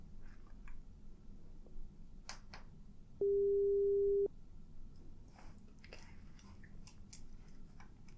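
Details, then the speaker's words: Simulated audiometry role-play, high/low frequency testing, listener raises hand or says yes on hearing a tone: a steady pure tone about one second long over quiet room noise and soft clicks; pure-tone audiometry test tone. "what i want you to do is when you hear one of the sounds one of the tones you can either raise your hand or you can say yes okay that's all you have to do so i'm gonna go ahead and start the test"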